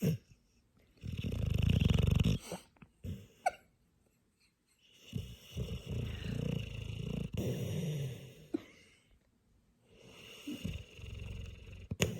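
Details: Deep, rattling snores on each breath, about 15 a minute, with quiet pauses between them; snoring during sleep.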